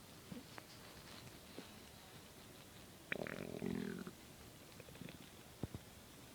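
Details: Stomach gurgling while digesting a large bowl of cereal: quiet background with a one-second gurgling rumble and a few soft pops, ordinary bowel sounds (stomach growling).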